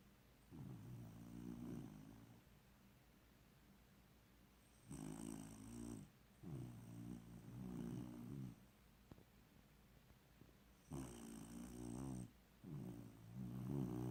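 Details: Snoring in a sleeping male pet, snoring like a person until the air conditioning came on and woke him: rumbling snores on each breath, in and out, at about 10 breaths a minute.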